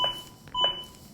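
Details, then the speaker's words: Zoll AED Plus training demonstration of CPR: two bright electronic beeps about half a second apart, the metronome setting compression rhythm; AED CPR metronome beep. "Je ne fais rien, la musique continue. C'est bien une preuve que c'est, comme on l'a dit précédemment, un métronome. C'est la musique sur laquelle je dois me caler en matière de rythme."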